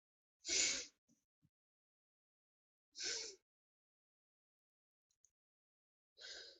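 Three sharp, explosive sneezes a few seconds apart in a quiet room, part of a sneezing fit.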